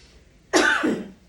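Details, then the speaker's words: Directed cough (forced expiratory technique, huff cough) demonstration: after two or three sets of huffs and a nasal breath hold, one forceful cough with arms raised as 'chicken wings' to add push for clearing sputum. "what we can do with that cough to give it that extra punch is after we do our Huffs two or three sets of those when we go to to our cough we can raise our chicken wings or our chicken"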